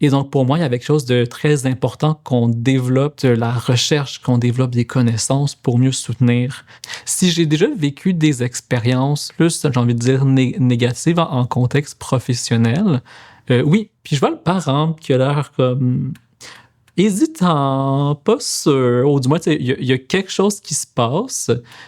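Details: Adult man who stutters, a speech-language pathologist; stuttering.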